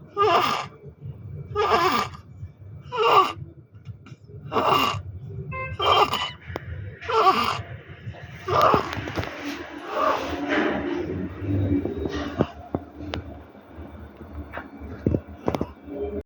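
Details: Baby with inspiratory stridor and pectus excavatum.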